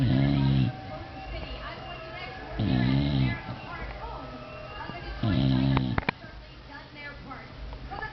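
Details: Snoring while relaxing: three loud, buzzing, rattling snores about two to three seconds apart over steady background noise.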